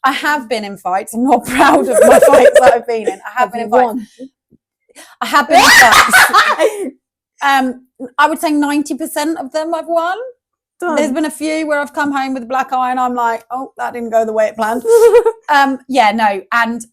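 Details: Adult woman speaking; no speech disorder.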